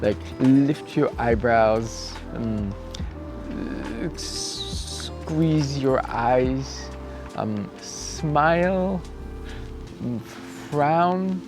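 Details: Adult male cyclist about 2 weeks after a bike crash with head impact and loss of consciousness, with acquired apraxia of speech and thinking reported intact; apraxia of speech.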